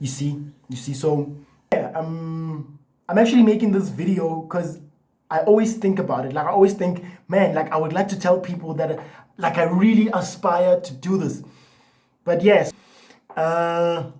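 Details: Adult man with lifelong stuttering, after a year and a half of therapy and doing breathing exercises, so the stutter may be partly masked.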